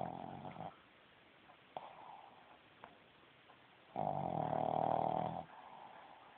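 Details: Sleeping Boston Terrier, a small short-snouted dog, gives a loud rattling snore on a drawn-in breath, with quieter breathing between: snoring.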